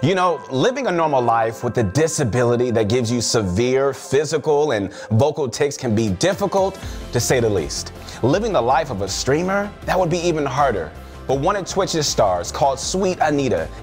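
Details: Adult male narrator; no speech disorder.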